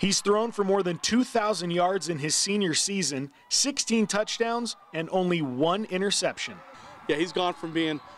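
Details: Adult male narrator; normal fluent speech.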